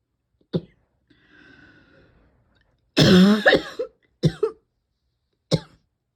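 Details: About four coughs, including sharp bursts, one harsh prolonged cough and a throat clear, from someone whose throat and lungs feel constantly tickly and whose cough won't quit; persistent cough.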